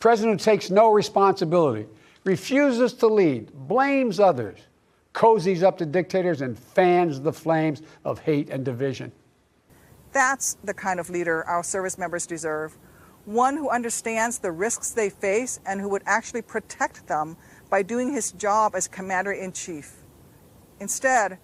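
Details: Adult speaker, political address; ordinary speech.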